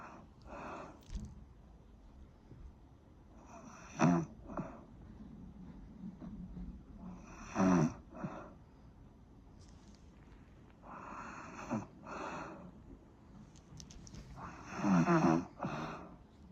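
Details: Repeated rough, rattling breathing noises at steady intervals, about four breaths in sixteen seconds; snoring during sleep.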